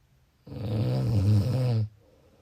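A single deep, rumbling snore on the in-breath, lasting over a second.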